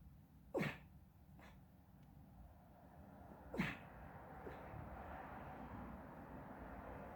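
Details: Sleeping dog sneezing: two sharp, abrupt sneeze-like bursts about three seconds apart over quiet background breathing and room noise.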